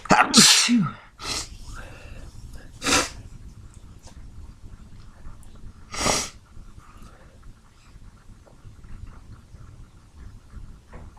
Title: Hungover sneeze fit with stuck sneezes toward the end.